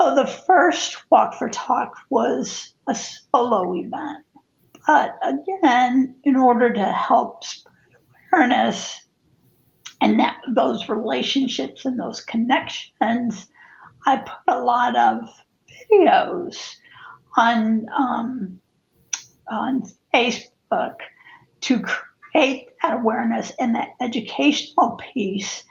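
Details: Spasmodic dysphonia in an adult woman who also has cervical dystonia affecting head and neck positioning; the disorder began affecting her life in 2017.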